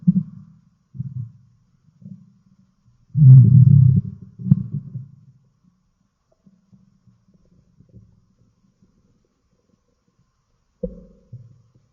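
Low, gurgling rumbles come in irregular bursts with quiet gaps between them. These are ordinary stomach growling sounds.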